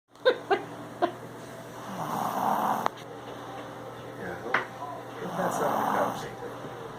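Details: Male asleep sitting upright: two long, rough, rattling snoring breaths with a few clicks and soft background noise.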